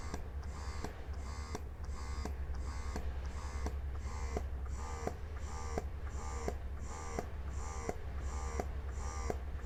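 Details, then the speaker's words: Portable electric breast pump running in massage mode while stepped through levels 1 to 9. Low steady motor hum with regular soft pumping pulses, about 86 a minute, and beeps as the settings change. "Nah sekarang kita akan mendengarkan dan kita akan melihat bagaimana respon dari alat ini dari level 1 sampai dengan level 9 seperti ini"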